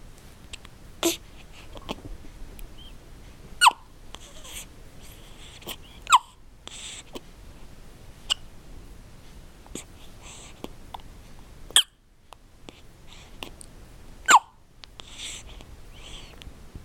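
Brief sharp catching sounds recurring every two to three seconds, about five over the stretch, with quiet breathing between: hiccups.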